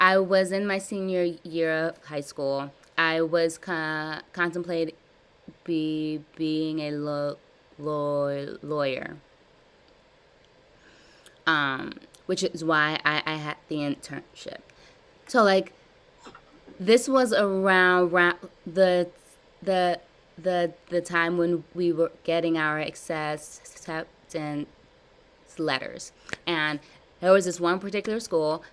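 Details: Adult woman with severe stuttering blocks since childhood, in a live stuttering therapy session practicing voluntary stuttering, prolongations and cancellations; stuttering.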